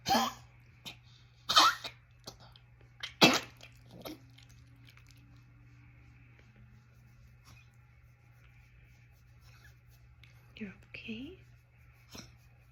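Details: A dog has a coughing fit, a run of harsh, forceful coughs, then quiets with a few soft whimpers as the owner comforts it.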